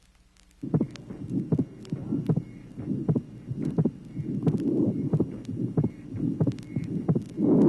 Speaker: tracing number 15 inter atrial septal defect pulmonary ejection mid systolic murmur fixed wide splitting of the second sound the combination of these two abnormalities is characteristic of inter atrial septal defect